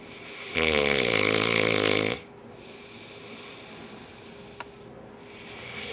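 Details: Person recorded snoring as April Fools retribution: one loud, rattling snore lasting about a second and a half with a vibrating buzz, then quiet room noise and a faint click.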